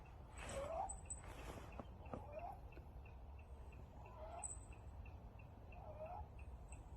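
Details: Stray kitten after upper respiratory infection: squeaky, chirping sound on each breath in; inspiratory stridor from scarring narrowing the larynx.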